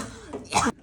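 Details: Acted cough in a classroom: quiet room sound, then one short, harsh burst of imitated coughing.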